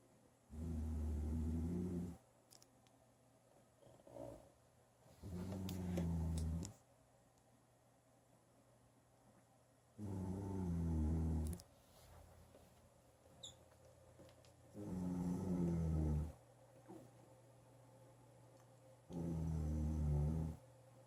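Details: Five low, rumbling snores at a steady rhythm, about 13 breaths a minute, in a quiet room at 6:46 pm on Christmas Eve; snoring.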